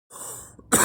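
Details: Adult coughing: a soft throaty rasp, a brief pause, then a sharp explosive cough as the clip ends.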